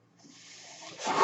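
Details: The speaker's own mechanical ventilator heard during speech: a soft airy hiss swells into a louder rush of air as it delivers a breath.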